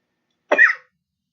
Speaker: I did not sound like this until we started recording. I was not coughing at all until we started recording.